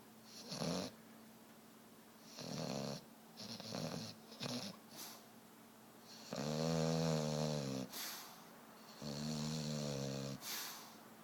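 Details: Buster snoring super loud: loud, rattling snores on both inhaled and exhaled breaths with quiet pauses between, about three breath cycles in eleven seconds.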